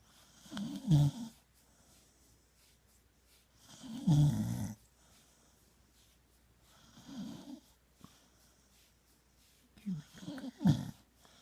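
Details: Snoring from a female sleeper addressed as "my nice girl": four low, fluttering snores at uneven intervals, about 19 a minute.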